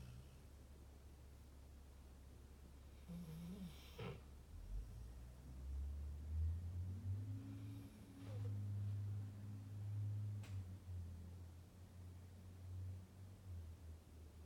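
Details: Sleeping pitbull dog: low rumbling snores with snorting breaths over steady low room hum: snoring.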